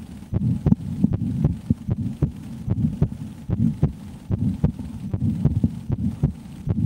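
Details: Adult woman's heartbeat heard through a stethoscope in a relaxation-style recording; normal heartbeat.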